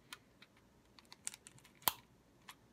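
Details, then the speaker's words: Priming click of a Diskus dry powder inhaler held flat, in a COPD controller-medication demonstration: small handling taps, then one sharp click as the lever is pushed to load a dose. "hear the click it'll click back again"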